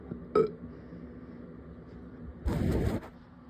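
A short throaty voiced burst, then a longer rough low belch-like noise; burping.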